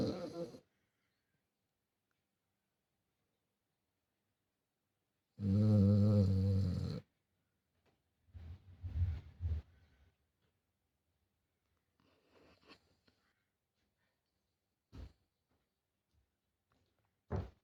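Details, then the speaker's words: Dog that hides during thunderstorms, snoring: one loud, deep rattling snore lasting over a second, then softer snuffling breaths in a quiet room. "я сидела на кухне и вдруг услышала очень громкий храп Я не поняла кто это потому что дома была одна"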